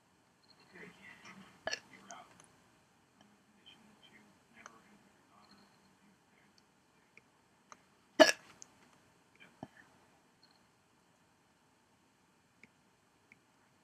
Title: hiccups 11